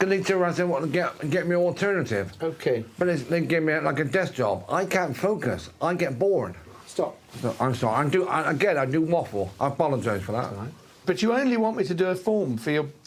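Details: Adult man with myasthenia gravis, an autoimmune condition affecting muscle receptors; speech changed at onset with a closing eye about a year ago, not his normal voice, people think him drunk; dysarthria in myasthenia gravis.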